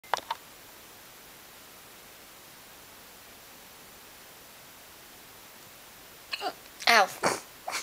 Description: gets the hiccups